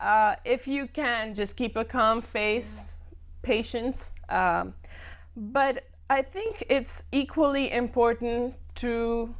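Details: Adult woman who stammers, speaking in a TV talk-show interview; stammering.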